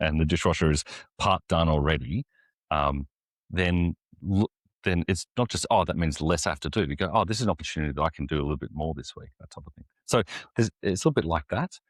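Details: Stuttering in an adult man, an executive pastor who says he has a stutter and lives and ministers with it; word repetitions occur in his speech.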